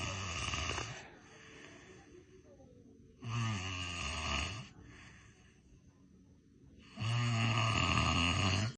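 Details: Adult man snoring: loud, rough rattling breaths about every four seconds, roughly 15 a minute, with quiet pauses; snoring.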